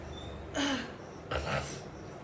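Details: Throat clearing from a pregnant adult woman who has a cold: two short, rough throat-clearing bursts over quiet room noise.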